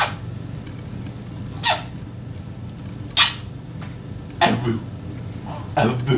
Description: Trying to get rid of the hiccups by scaring them away... Unfortunately it doesn't work but the attempt is hilarious.